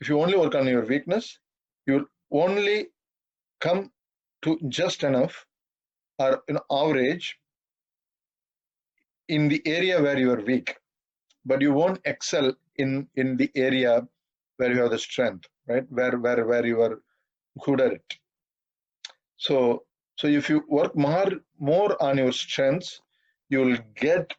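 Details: 42-year-old man who has stammered all his life and says he stammers occasionally in this talk, given at a stammering association webinar; stuttering.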